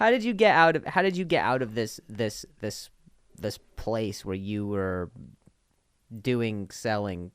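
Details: Adult man who stutters, speaking with repeated words; stuttering.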